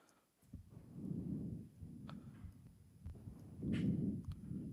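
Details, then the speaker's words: Normal breath sounds with no lung disease: soft, low rushing sounds rising and falling smoothly with each breath, no crackles or wheeze. "첫 번째는 어일 일반 음성입니다 그 저희가 인 병이 없는 노말 사운드"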